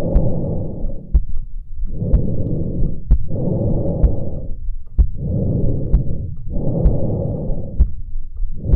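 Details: Breathing monitored via Bluetooth wireless precordial stethoscope: steady, even breath sounds with regular inhale and exhale cycles, faint heartbeat clicks underneath.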